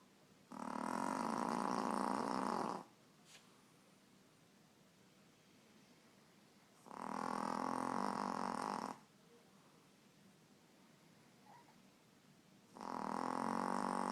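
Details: Snoring: three loud, rasping snores about six seconds apart, each lasting two seconds, quiet pauses between; about ten breaths a minute.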